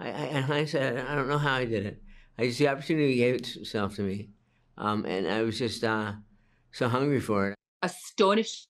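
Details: Hypokinetic dysarthria in a 61-year-old man with Parkinson's disease, diagnosed at age 29.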